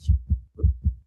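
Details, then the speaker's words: Simulated heart sounds from an AI virtual pregnant patient, auscultated with a stethoscope tool: quick lub-dub cycles at roughly 110/min, a fast heart rate consistent with tachycardia. "Obviously, her heart rate is pretty fast, so we'll hear that reflected in the auscultation."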